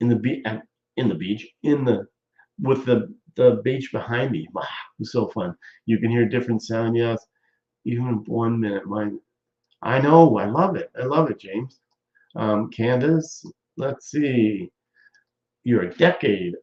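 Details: Aphasia (post-stroke speech difficulty) in a stroke survivor nearly 14 years after the stroke, with ongoing speaking difficulties.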